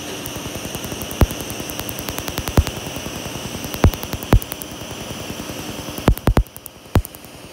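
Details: Laser tattoo removal on a black-ink forearm tattoo of an 18-year-old young man; rapid ticks over steady hiss with louder sharp irregular snaps of laser pulses; patient reports burning pain in parts.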